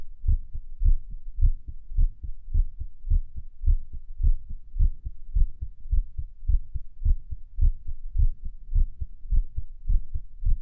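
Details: Own heart recorded near Erb's point lying prone while listening to old favourites: heart sounds around 105 a minute with somewhat uneven spacing; an irregular heartbeat.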